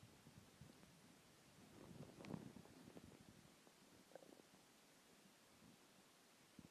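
Faint gurgling and rumbling over steady background hiss; stomach growling from hunger, a normal bowel sound.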